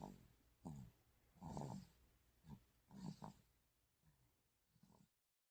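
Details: Young child snoring while asleep.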